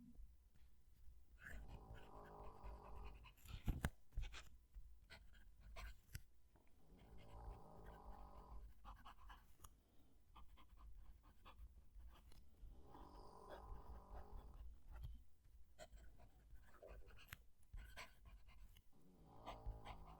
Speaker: I hope you could hear that over the dog. She's snoring away there in the corner.